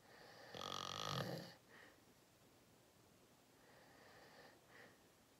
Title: Watch me sleep #53: Long Nap! 😪😴Loud Thicc Snoring 💤 Lucid REM Sleeping ASMR Very Deep Big Snores